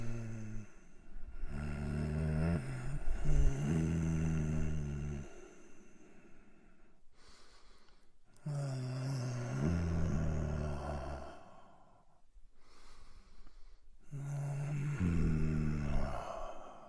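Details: Sound effect of a sick adult man with heavy breathing: slow, heavy breaths with three long, low, rattling snores on the in-breaths, each followed by a quieter breathy exhale.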